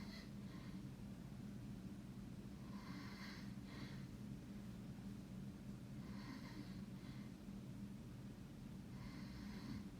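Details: Short snorting snores in pairs, roughly every three seconds, over a steady low hum, from someone who claims not to snore; noisy sleep breathing, snoring.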